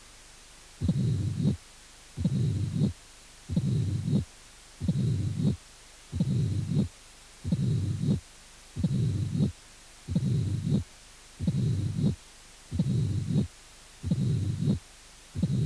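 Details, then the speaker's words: Mitral stenosis with presystolic accentuation: regular cycles at about 45 a minute with a loud first sound, a protodiastolic opening snap of the mitral valve, and a low diastolic rumble. "y estenosis mitral con arrastre pre sistólica primer ruido fuerte chasquido proto diastólica y retumbó diastólica"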